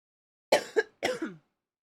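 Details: Three quick, harsh coughs in close succession, the last longer with a rough voiced tail; the woman then says her lung wheezed, calling it bronchoconstriction.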